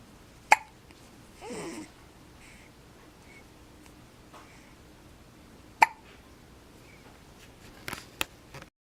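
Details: Hiccups in a 4-day-old baby boy: two sharp, abrupt hiccups about five seconds apart, with a brief vocal sound between them, in a quiet room.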